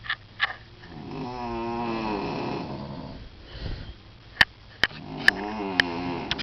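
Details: Long rattling snoring on each in-breath with a few sharp clicks in a quiet hotel room at night, from a sleeping grandmother on vacation, loud like a chainsaw.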